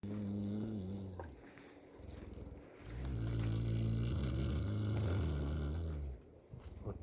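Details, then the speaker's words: A cow snoring while undisturbed in cold housing. "вот так она храпит от хорошей жизни."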